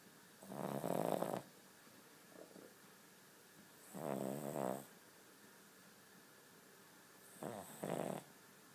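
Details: Sleeping King Charles Spaniel: three loud, buzzing snores about every three seconds, roughly 20 a minute, with quiet gaps between; snoring.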